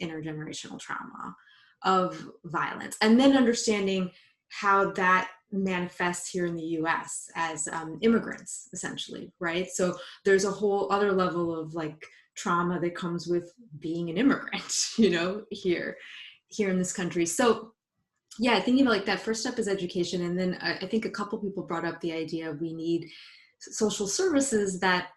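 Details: Adult female psychologist who identifies as a person who stutters, with word and part-word repetitions; stuttering.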